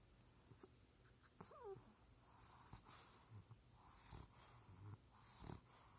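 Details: Sleeping bulldog puppy snoring: soft snorting snores with brief squeaky, whistling, wheezy breath sounds, noisy breathing through a narrowed airway.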